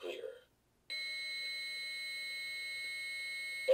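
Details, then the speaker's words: Two-rescuer adult AED demonstration for healthcare professionals: a brief voice prompt, then a steady high electronic tone as the defibrillator charges before a shock. "Everyone stand clear. Push the shock button."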